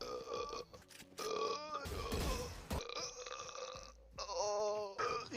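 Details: Man burping during a game stream: loud, drawn-out belches with game music and chatter in the background.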